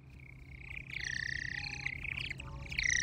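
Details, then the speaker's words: Hearing aid feedback demonstration: a steady high-pitched tone that wavers and warbles over a low background hum, caused by speaker output being picked up by the aid's microphone in an endless loop. "is that annoying whistle, chirping, or warbling that some people get from their hearing aids. This feedback sound occurs when audio coming out of the hearing aid's speaker is picked up by the microphone in an endless cycle."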